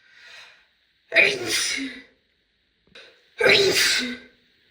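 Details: Sneezing.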